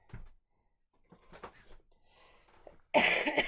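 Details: A few soft throat sounds, then a sharp, loud cough from an adult in a small room, recovering from an illness with several days of fever; cough.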